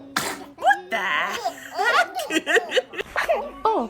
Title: Newborn sneezing 🤧